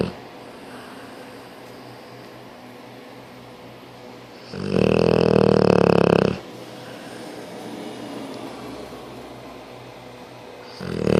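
One loud, rough, buzzing snore of about two seconds over room noise, with a second beginning at the end: snoring.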